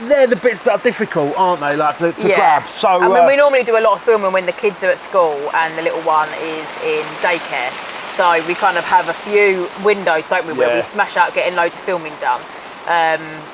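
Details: Adult speaker; typical speech.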